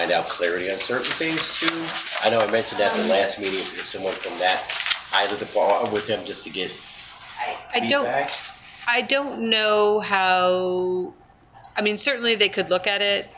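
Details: Adult man with self-reported spasmodic dysphonia, which he calls basically localized epilepsy; he links his voice problem to his years in the ski industry and a cliff fall in an extreme skiing championship that left his throat "gunked up."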